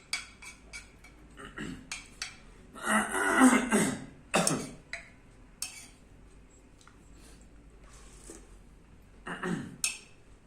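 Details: Throat-clearing vocal tic in a man with Tourette syndrome: repeated brief throat-clearing sounds and short grunting bursts.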